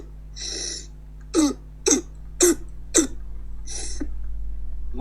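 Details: Paediatric teaching example of croup: a run of about five harsh, hoarse, seal-like barking coughs with breaths between them.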